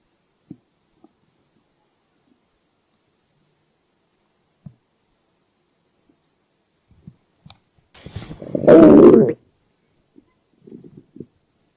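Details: Stomach growling (borborygmi): mostly quiet with faint gurgles and one loud, low rumbling growl lasting about a second; hunger-related, normal bowel sound.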